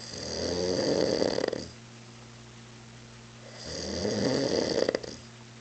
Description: A friend got drunk by drinking mezcal and crashed on our couch. At 3 or so in the morning he woke everybody up because he was snoring sooo loud.